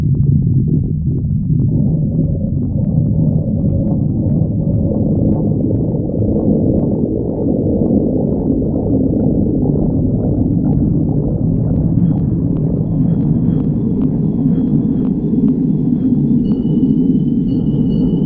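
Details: Stomach growling (borborygmi), clip 36: continuous low gurgling and rumbling from an adult's stomach, ordinary growling bowel sounds.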